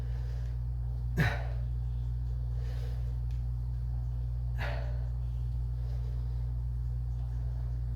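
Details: Shoulder crepitus in an adult man: popping during basic calisthenics push/pull exercises, in a shoulder operated on after motorcycle wrecks for acromioclavicular separation from the clavicle.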